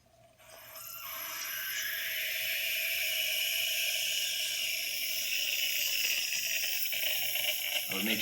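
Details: Small volume nebulizer with 2.5 mg albuterol in 3 mL normal saline, run on wall oxygen at 6–8 L/min with a mask: steady high hissing rises and holds as flow starts, the device producing aerosol.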